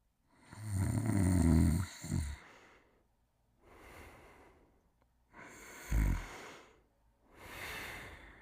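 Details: Buck sleeping and snoring: loud, low rumbling snores, one with each breath, with a snort partway through; ordinary snoring during sleep.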